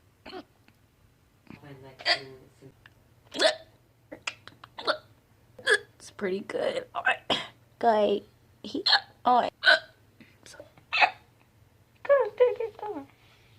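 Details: Compilation of one person's own hiccups: repeated short, sharp voiced gulps, about twenty at irregular intervals, with brief quiet between; a run of hiccups.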